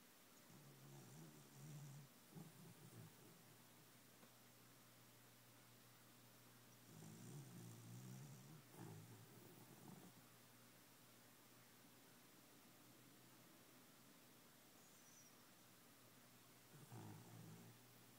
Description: Snoring dog